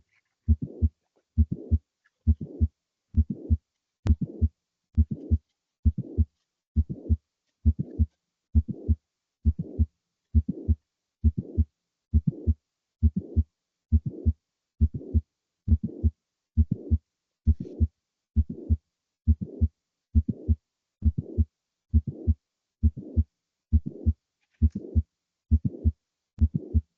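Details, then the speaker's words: Mitral valve prolapse murmur: steady heartbeat near 67 a minute, with extra sound filling each beat; played as an educational sound clip after a pansystolic murmur example. "And this is just a little tidbit, a bit of an extra um mitral valve prolapse."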